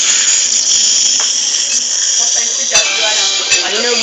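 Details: Baby receiving nebulizer treatment: steady, loud, high-pitched hiss from a running nebulizer, with faint voices and small knocks in the room.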